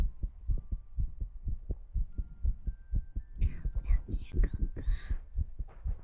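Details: ASMR recording: regular soft low heartbeat thumps, with tongue clicks and mouth noises layered over the second half.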